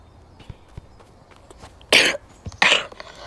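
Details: Adult who says they are sick coughs while playing a soccer game: two harsh coughs with throat clearing over faint background clicking.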